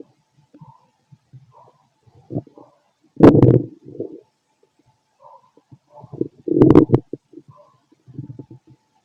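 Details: Fit adult male, stethoscope on the abdomen: soft gurgles and two louder rumbling growls over a quiet background, ordinary stomach growling.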